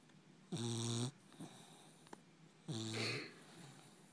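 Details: Sleeping female puppy snoring: two loud, buzzing, rattling snores with quiet breaths between them.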